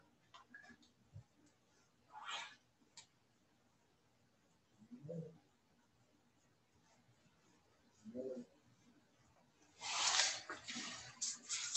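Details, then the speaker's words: Yorkie dog asleep in a quiet room: soft, low snoring breaths roughly every three seconds, then a louder rough snort; dog snoring. "hear the dog snoring in the background we have uh most of one [Music] we have a wonderful little yorkie named diesel and he's a king of sleeping"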